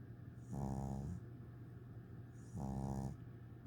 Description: First day home, and he is snoring next to his teddy bear already! English bulldog 8 weeks old!